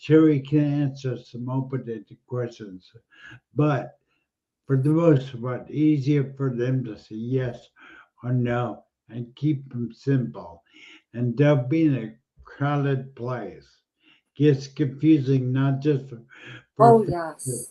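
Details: Adult male speaker; ordinary speech.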